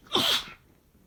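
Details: A single sharp, hissing allergy sneeze from an adult male (the boyfriend) that fades quickly; sneeze.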